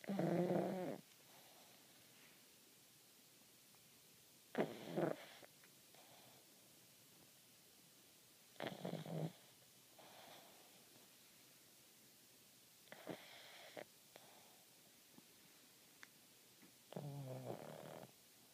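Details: Loud, rough snoring bursts from a pug sleeping with its eyes open, roughly every four seconds (about 15 a minute), with quiet gaps between; snoring.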